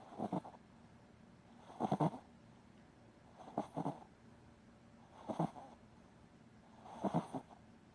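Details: Shih Tzu in deep sleep snoring: soft rhythmic snoring with paired snorting bursts on each breath, about 17 breaths a minute, over quiet room noise.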